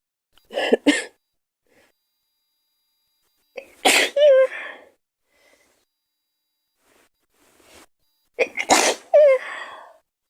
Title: Girl Sneezing 1